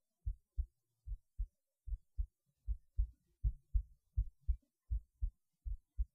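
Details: Steady, clear, regular lub-dub heartbeat at about 80 beats a minute with no added sounds, recorded through a cheap acoustic stethoscope; normal heart sounds.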